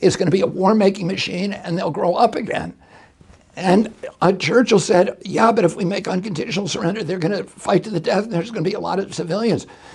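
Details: Spasmodic dysphonia in an adult male, attributed to a neurological injury in 1996 at age 42 that causes his brain to send the wrong signals to his vocal cords.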